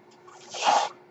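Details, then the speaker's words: A single soft whooshing puff of air: a breath delivered by the speaker's own mechanical ventilator, heard while recording a podcast. "That noise you hear is my ventilator. Thank you for tuning in to Page Turners They Were Not, my Star Wars podcast."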